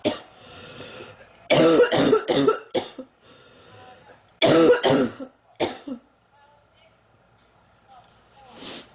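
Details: Girl sick for about 3 weeks, feeling hot and unwell: two bouts of harsh, repeated coughing, about four or five coughs each, with quiet breathing between; persistent cough.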